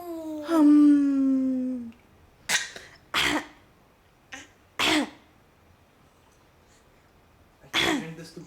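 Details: A young child imitating a family member's cough: a drawn-out voiced sound followed by four short, sharp cough-like bursts.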